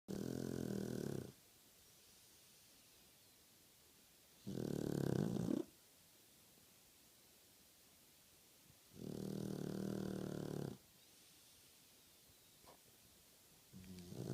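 Loud, rumbling snores from a sleeping flat-faced dog, about 13 a minute, with quiet pauses between breaths.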